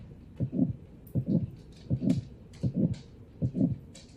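Regular heartbeat about 82 a minute, with a harsh murmur that swells and fades between the first and second heart sounds: an aortic stenosis murmur.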